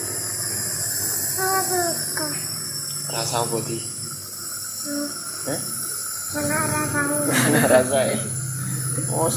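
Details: Young twin boy with cough and cold receiving nebulizer treatment through a mask: steady hiss of the running nebulizer with children's voices over it.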